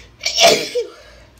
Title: Inducing my Cold Sneezes (F) With Noseblows